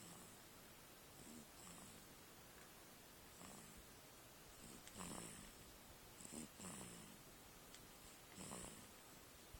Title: Snoring Beast